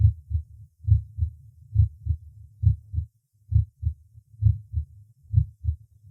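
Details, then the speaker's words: Normal heart sounds at the fifth (Botkin-Erb) point, fourth intercostal space left of the sternum, assessing the aortic valve: regular paired sounds at about 67 a minute, first and second sounds roughly equal in loudness. "громкость обоих том и в сердце примерно одинаково в этой точке оценивается состояние аортального клапана"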